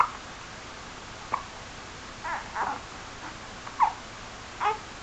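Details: Two-month-old babies hiccupping together: about six short, sharp squeaky hiccups, some close together and some spaced, over quiet room noise; ordinary hiccups.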